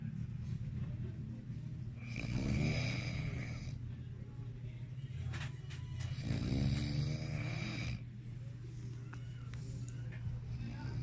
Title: Kunyare pikit lang daw. Pero borlog na pala si accla 😂 #fypシ #fyp #sleep #sleepyhead #snoring